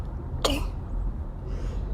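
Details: A single sharp, explosive quick sneeze from a male streamer over steady background noise; sneeze.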